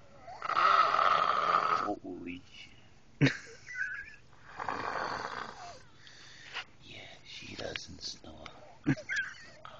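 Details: An adult woman (a mom) snoring at camp: a loud, rasping snore, then softer snorting breaths and a few sharp noises, possibly flatulence, in a quiet room; snoring.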